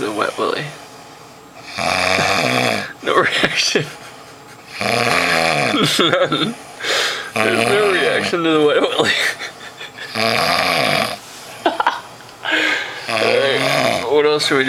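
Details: Man sleeping heavily, snoring a lot: loud, rough, rattling snores on each breath in, some with a buzzing tone; heavy snoring.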